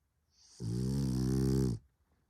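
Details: Sleeping French bulldog giving a single loud, deep, buzzing snore lasting about a second; flat-faced dog snoring.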